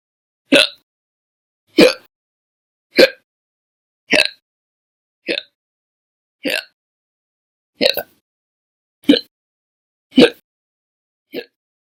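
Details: A run of ten loud, abrupt hiccups, each a sharp voiced gulp, at about 50 a minute with fairly steady spacing.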